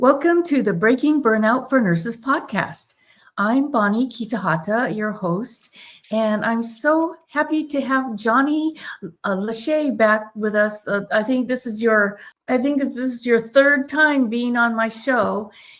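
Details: Adult woman speaking; typical voice.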